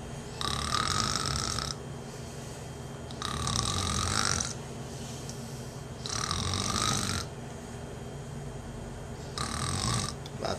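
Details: Sleeping child snoring after drinking milk: rhythmic rasping breaths, roughly 20 a minute, with quiet gaps between them.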